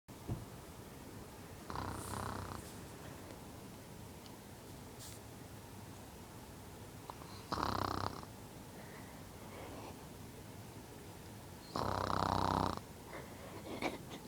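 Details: Three rough, buzzing snores about every five seconds against a steady room hum; snoring during sleep.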